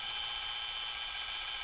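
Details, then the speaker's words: Opening wedge high tibial osteotomy, left knee: steady high-pitched whine, unchanging in pitch, as the hinge pin drill goes front to back through the sleeve and both tibial cortices; surgical bone drill. "and now we're going to drill front to back with the hinge pin drill through the sleeve and you should feel both cortices"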